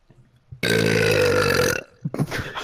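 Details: Burping while playing online: one long, loud, low-pitched burp lasting over a second, followed by brief muffled voice sounds.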